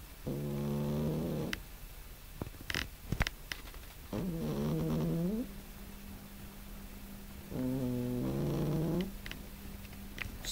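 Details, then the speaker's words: A pet cat that often snores is heard snoring while asleep. "это храпит кот"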